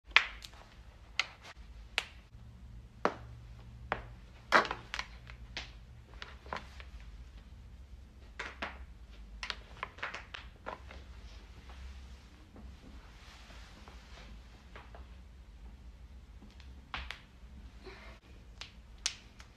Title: cracking bones